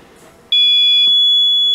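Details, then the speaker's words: Demonstration of a homemade open-circuit remote alarm that goes off when a home ventilator is shut down, built because the ventilator's own alarm had failed: a loud, steady high-pitched electronic tone starts abruptly after brief quiet room noise. "this is what happens when the ventilator shuts down we end up with no alarm the alarm system fails now I'm going to shut the ventilator down and demonstrate here this system shutting down"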